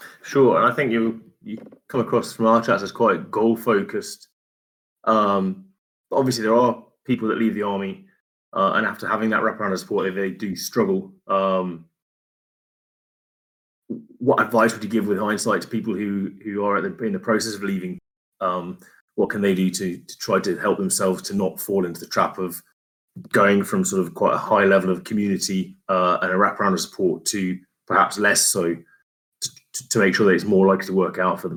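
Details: Adult male speaker; normal speech.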